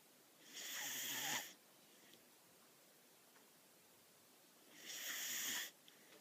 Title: Whippet puppy snoring